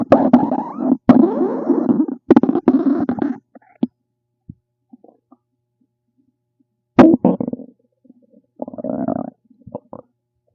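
Loud gurgling, bubbling stomach rumbles in several bursts with quiet gaps between; ordinary digestive sounds.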